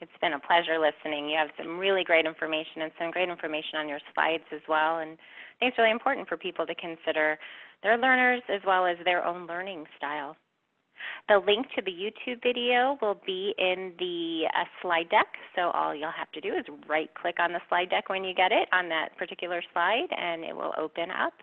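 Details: Adult woman speaking over telephone-quality line; normal voice.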